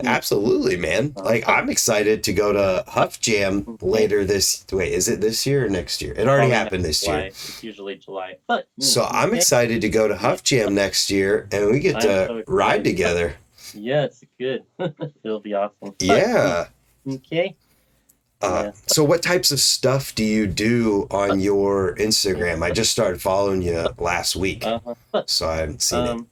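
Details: Adult male speaker; typical speech.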